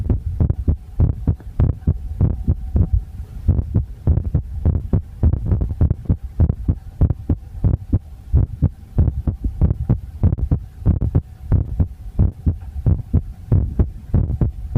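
Loud, steady low thumps of a heartbeat, roughly 98 beats a minute, over a faint steady hum.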